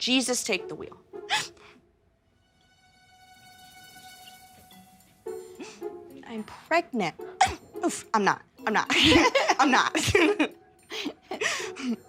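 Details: Young woman with an extreme form of Tourette syndrome, with involuntary vocal tics including repeated phrases and swearing, which become more active and intense when she is nervous. Tourette syndrome vocal tics.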